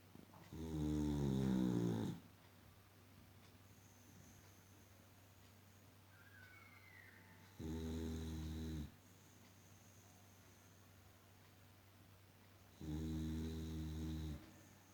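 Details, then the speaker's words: Female Boxer dog asleep and snoring for the past hour: three loud, buzzing snores every five to six seconds, about 11 a minute, with quiet between; ordinary sleep snoring. "loud snoring and sleeping. From last 1 hour, she's snoring and sleeping."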